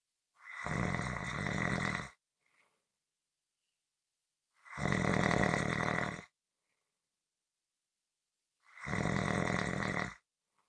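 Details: Three long, buzzing snores in about eleven seconds (around 17 a minute), with near silence between: snoring.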